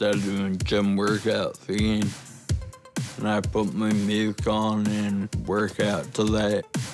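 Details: Ataxic dysarthria in a 29-year-old man with Friedreich's ataxia, a rare degenerative genetic disease diagnosed at 18, causing slurred speech that has worsened over time and progressive walking difficulty; he now uses a wheelchair.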